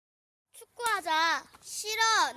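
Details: Normal speech (hearing reference).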